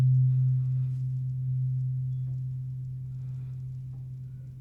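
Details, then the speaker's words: Steady low pure hum from a struck tuning fork, slowly fading over several seconds, during a roleplay cranial nerve exam; patient asked to report when vibration ends; simulated exam. "So let me go ahead and test you with a tuning fork. Tuning fork vibrates. Tuning fork."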